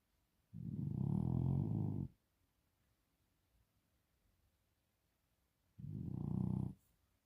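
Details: Two low, rumbling, rattling snores with a quiet pause between, during sleep.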